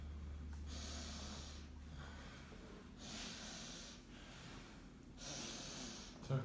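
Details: Slow, loud, snorting breaths with low room hum, about three in six seconds, in a female patient with uncontrolled epilepsy coming around after a bad tonic-clonic seizure; noisy post-seizure breathing.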